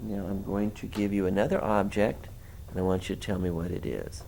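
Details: Adult man, examiner speaking; Ordinary speech.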